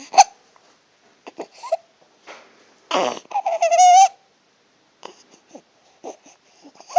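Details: Stridor in an infant: harsh, high-pitched, musical noisy breathing with short vocal sounds, toy blocks clattering in the background.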